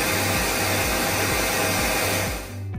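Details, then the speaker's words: Dental aerosol safety hood demonstrated in an orthodontic office: steady loud rushing airflow as the hood creates a negative-pressure zone directly over the patient's mouth, like a laboratory hood, drawing away aerosol that high-volume suction misses; faint music behind. "this is is basically similar to a laboratory hood it just acts as a negative pressure environment directly over the patient but not in the entire room"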